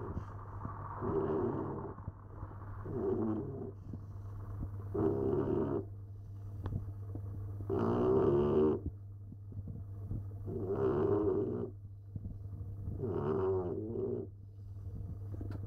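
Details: A sleeping Staffordshire bull terrier snoring: regular rumbling snores with each breath, about 22 a minute, over a steady low room hum.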